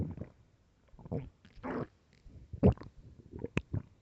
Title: Loud starving stomach growling (HEADPHONES 🎧)